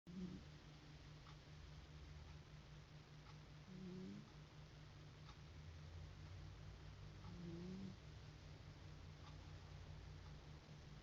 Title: snoring